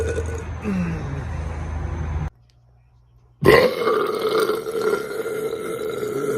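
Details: A rumbling burp-like sound, brief silence, then a loud, long burp over steady room noise; burping.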